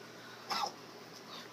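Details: Dog coughing upon waking: one short, harsh cough in a quiet, faintly hissing room; afterward not coughing and playing normally, with no cough at night.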